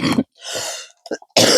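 An adult woman clears her throat with a harsh, breathy rasp, followed by short cough bursts; this is throat clearing with coughing.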